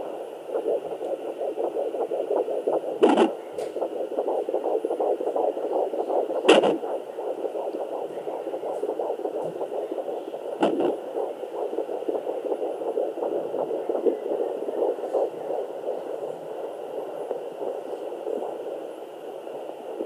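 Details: Sonoline B fetal Doppler at 12 weeks of pregnancy: fast whooshing fetal heartbeat in the 160s a minute, with loud scrapes from baby kicking and probe placement and removal.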